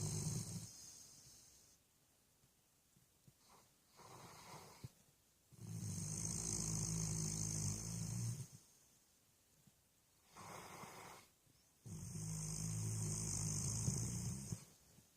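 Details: Sleeping puppy snoring: loud, rough, rattling snores on each breath with quiet gaps between them.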